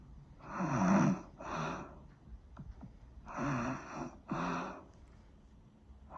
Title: Snoring sound